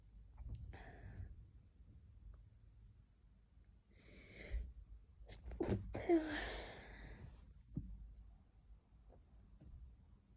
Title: Sneezing pt3